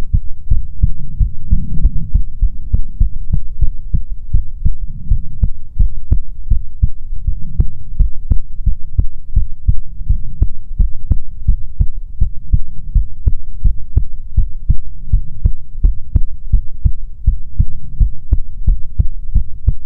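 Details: ASMR recording of soothing heartbeats: loud, close, continuous low thumps in a steady rhythm over a muffled rumble; normal heartbeat.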